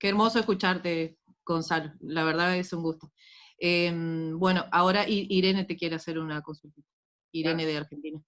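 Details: Adult female speaker; Normal fluent speech.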